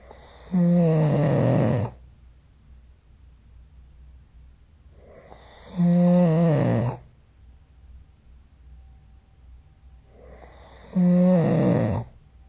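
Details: Three loud, rattling snores on breathing in, about 12 a minute, separated by quiet pauses; snoring during sleep recorded with the SnoreLab app.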